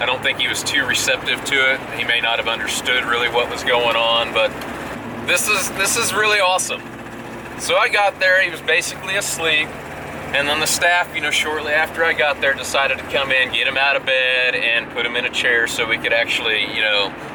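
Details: Adult man speaking; ordinary speech.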